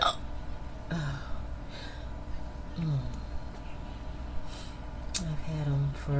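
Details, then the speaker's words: Young woman, possibly role-played, trying to fall asleep with stubborn hiccups on and off for about 15–20 minutes: repeated short, abrupt voiced hiccups about every two seconds over a low room hum. "I'm really trying to fall asleep but I can't can't do to these hiccups hiccups excuse me"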